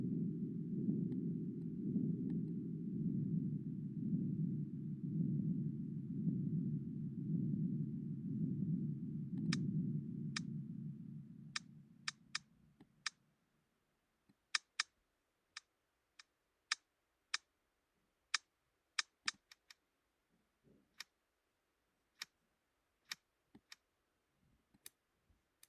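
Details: Simulated middle ear myoclonus clicking from a program that mimics tinnitus sounds: a low rumbling hum, then irregular sharp clicks in near silence.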